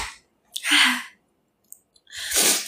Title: Thai Girl Sneeze 4